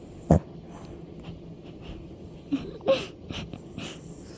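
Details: Dog snoring loudly: short snorting, wheezy breath noises with quieter breathing between, in a quiet room.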